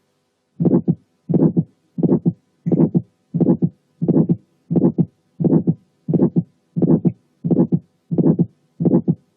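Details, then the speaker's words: Early aortic stenosis with thickened, fibrosed but mobile cusps: first sound, then an ejection click, an ejection systolic murmur and the second sound, regular at about 88 a minute. "في الايرلي كيسز الفالف كاس بتكون سكند وفايبروزد لكن موبايل، فتحها يعمل ايجكشن كليك وقفلها يعمل سكند ساوند. وفي الحالات دي بنسمع الفيرست ساوند وبعديها على طول ايجكشن كليك ثم الايجكشن سيستوليك مامر ثم السكند ساوند"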